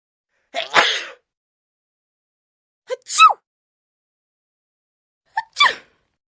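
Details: Sneezing sound effect of an adult man: three sneezes, each a quick sharp intake of breath followed by an explosive burst, with quiet pauses between them.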